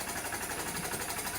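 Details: SERVO-n ventilator in HFO (high-frequency oscillatory ventilation) mode, running in a demonstration; fast, steady buzzing rattle from the oscillation.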